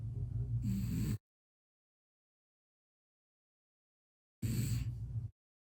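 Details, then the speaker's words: Sleeping cat: two loud, low, rumbling snores about a second each, separated by silence; ordinary snoring. "I think you can only hear the snoring. It's cuz it's it's a video of my cat snoring and I think it's pretty funny, but my computer is being rude."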